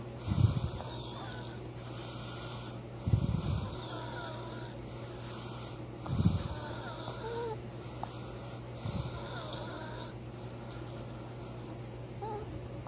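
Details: Dog dreaming and snoring: low, rough snores about every three seconds, about 22 per minute, over a steady hum with faint squeaks between; snoring.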